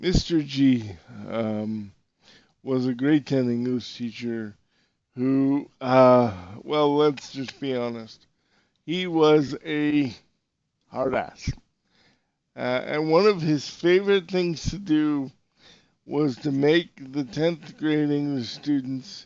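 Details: Dysarthria in an adult male podcast host with severe cerebral palsy who uses a wheelchair.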